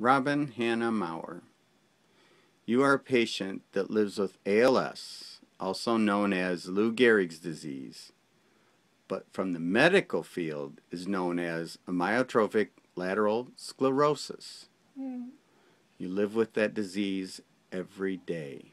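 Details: Adult male speaker; normal speech.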